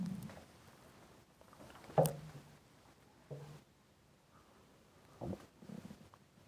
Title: Intense stomach rumbling hungry